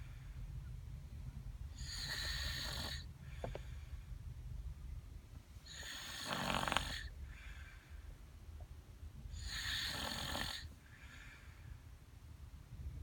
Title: Snoring Kid Can't Wake Up